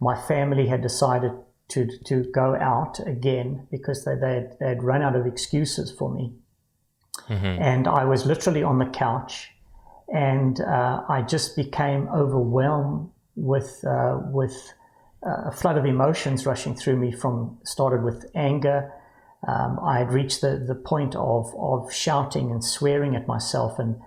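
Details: Adult man with Parkinson's disease diagnosed about 10 years earlier at age 49, now with cognitive decline, word loss, stammering and occasional slurring; Parkinsonian speech (hypokinetic dysarthria) with word-finding difficulty.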